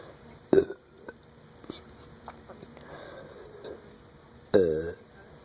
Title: Burping part 4